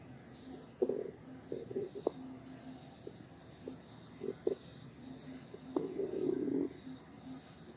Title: IF opheebop listened to empty stomach noises